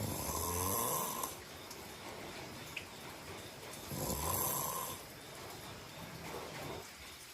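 Two rasping snores about three seconds apart, with softer out-breaths between, over steady room noise; regular snoring.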